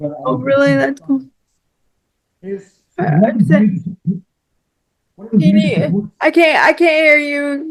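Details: Woman with cerebral palsy who relies on one arm and uses a power wheelchair; real, natural conversational speech; speech in cerebral palsy.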